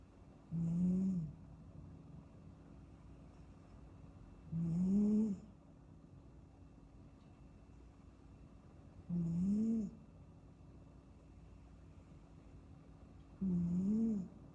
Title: 8 minutes of kitten snoozing snoring sounds